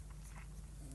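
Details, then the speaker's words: A quiet, low, drawn-out rumbling gurgle from an adult's stomach over faint room noise: ordinary stomach rumbling (borborygmi) during a painting session. "oh that's my tummy can you hear my tummy good right so that's cool"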